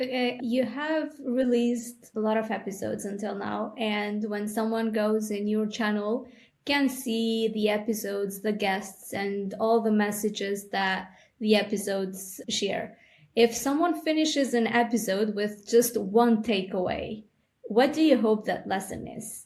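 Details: Adult woman speaking; normal speech.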